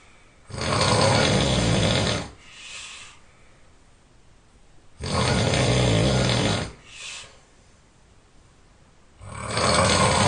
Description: My snoring is relentless ... nothing could stop me.